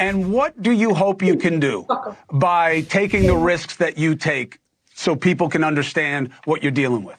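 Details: Adult male speaker; ordinary speech.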